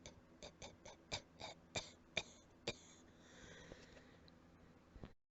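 About eight quiet, short dry coughs and throat clears in quick succession, from an allergy-related cough.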